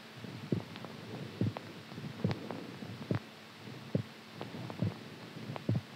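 Steady low thumping heartbeat at about 70 beats a minute over a faint hum; ordinary heart sounds.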